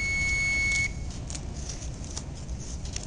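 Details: During a CPR training demonstration, an AED is switched on: a steady high electronic tone sounds, then stops, leaving room noise and faint clicks before the voice prompts to apply pads.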